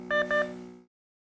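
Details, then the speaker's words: Two quick tonal beeps fading out: Nonin capnograph rapid alarm sequence when end-tidal CO2 or respiration rate leaves set limits or no breath is detected. "you will hear a rapid beep sequence and a flashing of the limit exceeded on the display"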